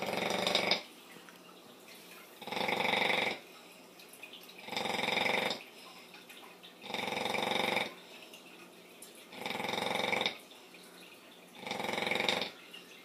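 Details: Female bully-breed dog snoring like a pig: regular rasping, fluttering snores, about 28 a minute, each close to a second long with quiet gaps between.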